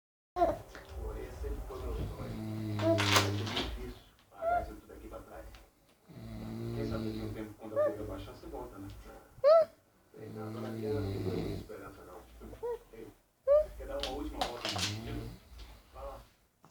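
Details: Father snoring in the background during sleep: rough, rattling snores in slow cycles, about 15 a minute, with brief pauses between them; ordinary loud snoring.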